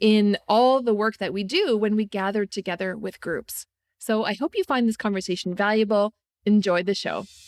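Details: Adult female speaker; normal fluent speech.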